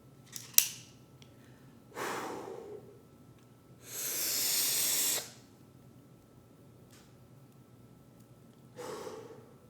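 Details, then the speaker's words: Ellipta dry powder inhaler: cover click, an exhalation, then lips around the mouthpiece and a long steady deep breath in, a breath-hold of three to four seconds, and a final breath out; correct inhaler technique. "put the inhaler to your mouth wrapping your lips around the mouthpiece and take a long steady deep breath in"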